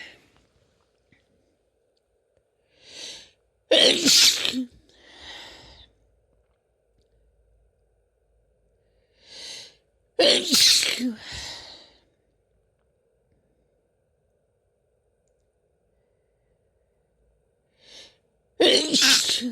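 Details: Three sneezes from a female, each preceded by a quick sharp in-breath, with a soft breathy release after; ordinary sneezing.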